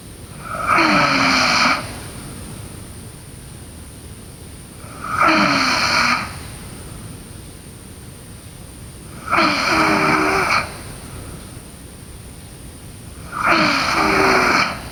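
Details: A sleeping girl snoring: regular loud, rough, rattling snores on each breath in, about 14 a minute, with quiet pauses between.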